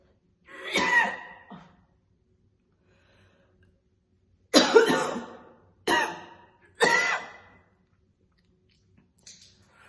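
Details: Woman chain-smoking two cigarettes in a real session, coughing heavily with occasional spitting: several strong, harsh coughs in bursts separated by quiet pauses; heavy repeated smoker's cough.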